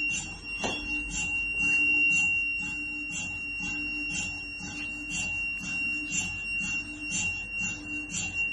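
Steady high-pitched electronic tones with rapid, regular tapping pulses, typical of an MRI scanner running.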